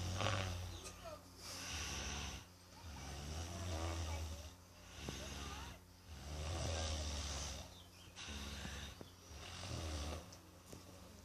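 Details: Very loud, heavy snoring: deep, rattling snores at about 20 per minute over a steady low hum.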